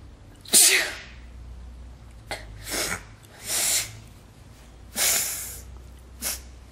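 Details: Sneezing: a run of five sharp, hissing sneezes, the first strongest, with quiet breathing between them.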